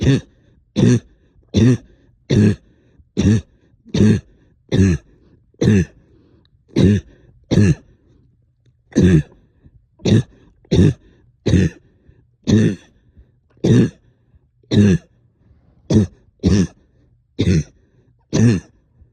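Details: Productive cough, up coughing all night with stubborn sticky phlegm, heavy chest and headache: repeated short, deep, wet coughs with throat clearing, about twenty bursts in nineteen seconds.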